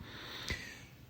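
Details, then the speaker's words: Sleeping dog in a quiet room gives a single brief, rough nasal snort; snoring. "because Pepper, if you can hear him over there snoring or snurking, I guess snurk is a Dutch verb."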